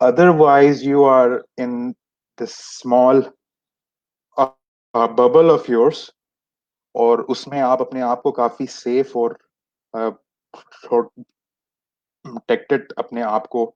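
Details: Adult who has stammered since age 6, with many speech therapies that did not help; stuttering.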